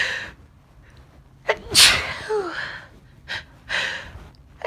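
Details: Sharp in-breath, a forceful high-pitched sneeze, then breathy exhalations and sniffs, during a run of repeated sneezes; an ordinary sneeze.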